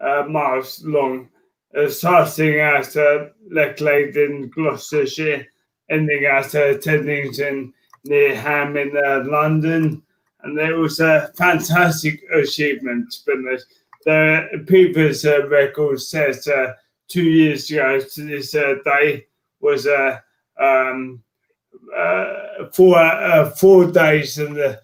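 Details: Adult man with motor neurone disease diagnosed in January 2018; speech changes were an early sign of the disease; dysarthria (motor neurone disease).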